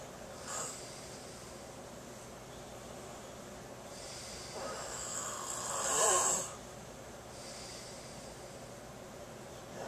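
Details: A sleeping adult snoring: a rough, rattling breath swelling into a loud snore, with quieter breaths around it.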